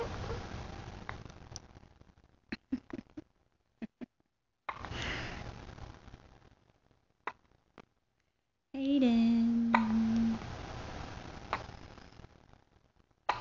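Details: Baby with gas and hiccups: short, sharp infant hiccup sounds at irregular intervals, then a brief fussy tonal cry.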